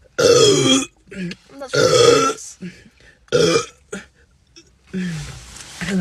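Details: Adult woman burping after rapidly drinking Coke in a burping challenge: three long, loud voiced burps in quick succession, with brief murmurs between them.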